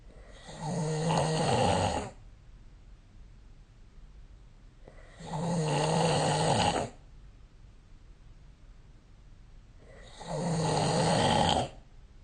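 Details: Snoring during sleep recorded with the SnoreLab app: three long, loud, rattling snores about five seconds apart, roughly 12 breaths a minute, with quiet pauses between.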